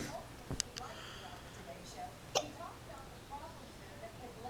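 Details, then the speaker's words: Young child with hiccups, saying "excuse me" after each: two abrupt, sharp catching sounds about two seconds apart over quiet room noise. "Excuse me. Are you going to say excuse me every time you hiccup?"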